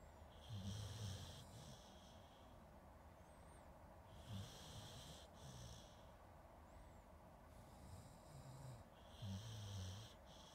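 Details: Snoring, recorded with a Zoom H2N: quiet, rhythmic snoring with soft snorts, repeating every few seconds over steady background noise.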